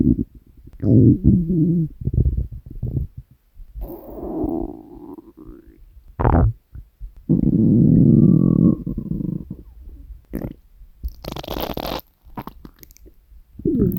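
Low rumbling and gurgling bursts of varying length, typical stomach growling from hunger; a normal bowel sound.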